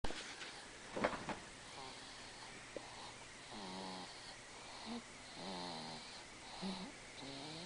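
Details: 6-month-old infant girl, exhausted after her 6-month vaccinations that day, asleep in her father's lap, with soft, repeated buzzing, slightly whistling breaths about once a second; ordinary infant snoring.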